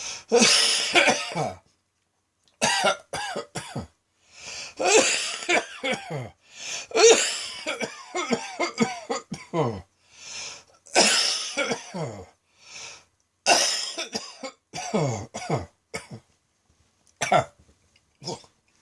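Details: Midday coughing fit recorded on a phone after a felt throat tickle, leaving the person light-headed: repeated harsh, loud cough bursts in clusters with brief pauses for breath.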